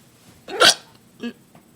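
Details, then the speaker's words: Painful repeated hiccups strong enough to shake the computer: a sharp voiced hiccup, then a softer second and a faint third within two seconds; the hiccups keep coming. "my computer is moving every time my hiccup it shakes o that was a deep one just keep on coming never going to stop"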